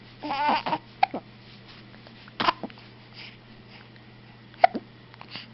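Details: Baby with hiccups: short, sharp catching sounds recur a few times between soft baby noises in a quiet room.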